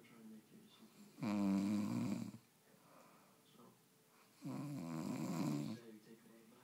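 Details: Two loud, rough, low-pitched snores about three seconds apart, with faint television speech in the background: snoring.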